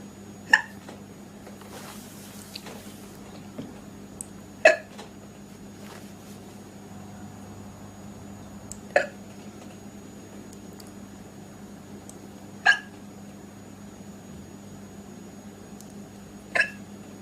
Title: Cute girl with hiccups